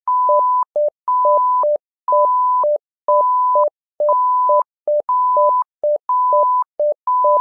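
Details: Simulated patient monitor (SimMon) tones: a repeating pattern of one long higher tone followed by two short lower beeps, cycling about once a second.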